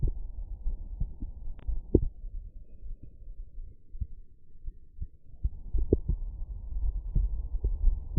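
Regular low heart thumps through a stethoscope at Erb's point, normal first and second heart sounds.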